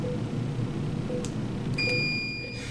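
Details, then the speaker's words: Dental X-ray unit exposure beep while a dental radiograph is taken of a suspicious tooth in an anesthetized dog during a routine dental cleaning: a steady high electronic beep over low room hum. "okay Chelsea's now positioned the U x-ray probe into the dog's mouth and we're going to take a dental x-ray of"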